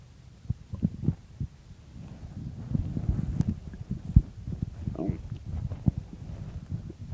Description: In this video, pretty much what the title says, I woke up and my stomach was noisy so I started recording it.